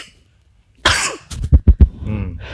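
A harsh breathy exhalation followed by three short, forceful cough bursts from an adult.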